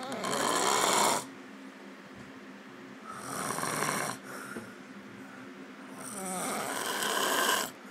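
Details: Adult passed out after the club, snoring loudly.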